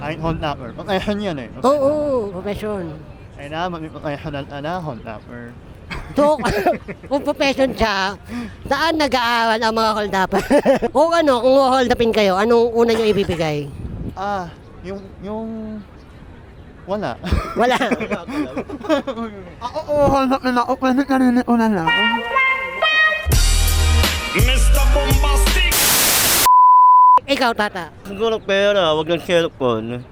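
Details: Young man; hypernasal speech (repaired cleft palate).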